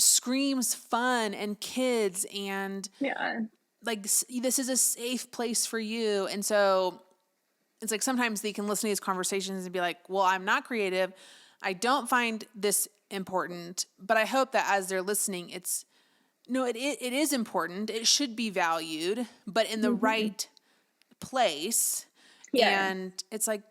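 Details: Adult woman speaking; typical voice.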